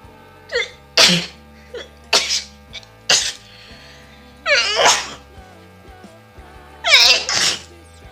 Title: Requested video// Nose Sneezing 🤧 Challenge 😁 Part- 2 With long Grass 😂😂..